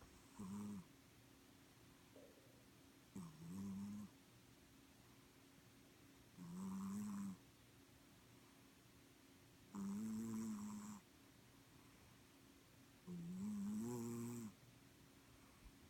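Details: Five regular, loud, vibrating snores, about 18 a minute, from a sleeping pet cat; snoring.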